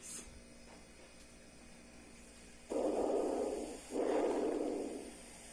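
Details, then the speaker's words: Normal breath sounds heard by stethoscope during crossed posterior chest auscultation, starting at the infraspinal region, in a respiratory physiotherapy demonstration: soft, low rushing breath sounds with no added noises. "primeiro Ela escuta são os sons normais"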